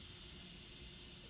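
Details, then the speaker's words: Tracheostomy suctioning, with the catheter passed down and suction applied intermittently on withdrawal, never continuously; tracheostomy suctioning noise. "then I'm suctioning intermittently on the way out most of the time you're not going to go down any more than two or three times"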